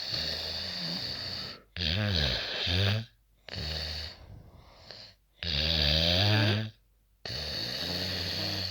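Loud, rough snores with harsh rattling breaths in and out, repeating about 17 times a minute, separated by brief quiet pauses.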